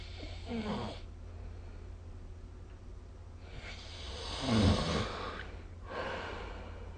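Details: Snoring during sleep recorded with the SnoreLab phone app: rough, rumbling snores with breathy exhalations over a steady room hum.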